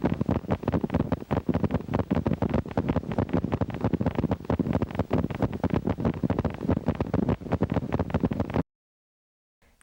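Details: Needle EMG myokymic potentials, recorded in a teaching EMG laboratory. Myokymia is most often seen in Isaac's syndrome, demyelinating neuropathy, radiation plexopathy and timber rattlesnake envenomation.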